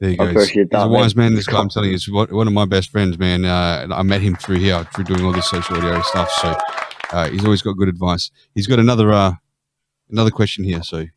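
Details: Adult male speaker; ordinary speech.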